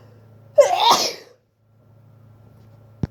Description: So again this cold is kicking my butt! These sneezes were literally tearing apart my throat but they needed to come out.